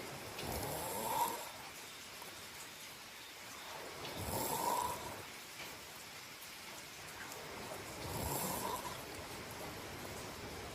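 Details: Snoring to help fall asleep: slow, rough snores on each breath in, about 17 a minute, over steady background hiss.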